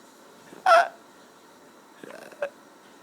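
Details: Baby girl with hiccups: two brief, abrupt voiced catches about two seconds apart, with faint room noise between them, infant hiccups.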